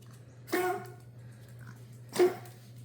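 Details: Dog recorded for the vet gives two short, harsh cough-like bursts over a steady low room hum; the episode stops when the owner speaks; a coughing episode.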